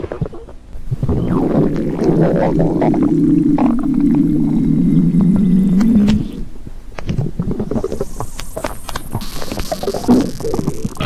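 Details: Stomach growling (borborygmi): a long, low, gurgling rumble with shifting pitch, followed by bubbly, squelching gurgles.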